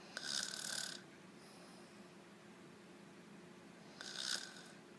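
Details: Sleeping baby snoring gently: two soft, hissing breath noises about four seconds apart over quiet room noise.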